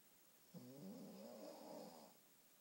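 A single soft, fluttering snore on the in-breath, low and rumbling, over quiet room noise.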